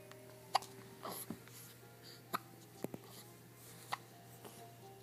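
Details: A person who has had a little too much to drink gives brief, soft, abrupt catches at irregular intervals over a steady background hum: hiccups.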